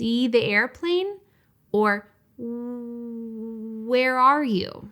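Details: Speech-language pathologist's demonstration of a stuttering prolongation, a sound held out too long; stuttering prolongation (demonstrated).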